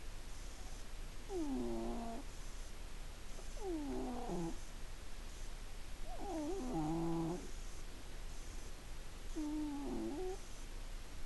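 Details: Sleeping cat (December 2015; litter with genetic problems and obesity) snoring: four squeaky, whistling tones at regular breath intervals, about 21 a minute, with soft airy sounds between.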